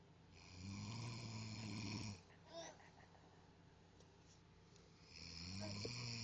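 Two long, low, rattling breaths in during sleep, several seconds apart, with quiet between them; snoring.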